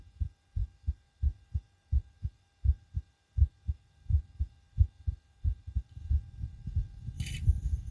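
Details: Own heartbeat recorded with homemade DIY stethoscope after backflips and bouncing on trampoline: strong, evenly spaced thumps about 90 per minute, rustling at end; rapid heartbeat after exercise.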